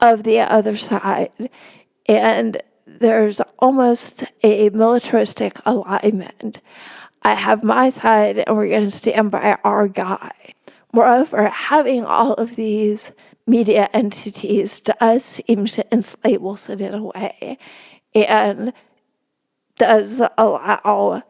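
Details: Real spasmodic dysphonia in a woman, a religion reporter speaking in a podcast interview; no type, onset or treatment stated; spasmodic dysphonia.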